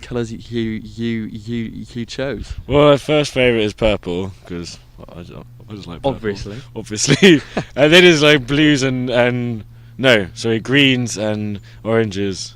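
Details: Adult who stutters, with months of bad speech days with blocks; stuttering.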